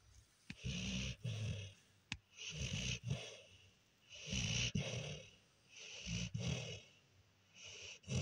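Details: Deep, rumbling snores on each paired in- and out-breath, about 8 breath cycles a minute, with soft clicks between, from a little male sleeping after an exciting day; heavy snoring during sleep.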